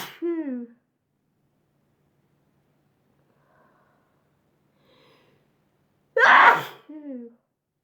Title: Chhinkini Sneezing...